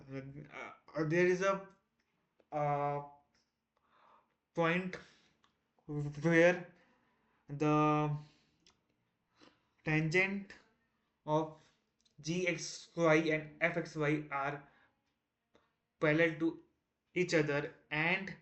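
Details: Adult man who stammers, on day 1 of a 30-day stop-stammering challenge while explaining a technical topic; repetitions and fillers audible; stuttering.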